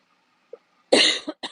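A single harsh cough burst with a brief trailing second effort, from an adult woman with an affected voice.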